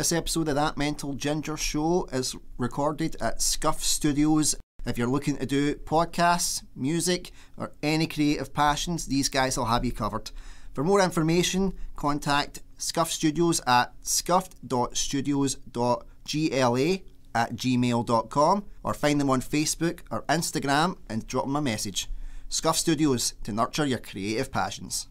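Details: Adult man speaking; typical speech.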